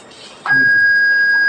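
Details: Manual defibrillator demonstration for BLS training: after a shock is delivered, the button is pressed to recharge at the same joules for a repeat shock, followed by a steady high-pitched continuous tone; defibrillator charging tone.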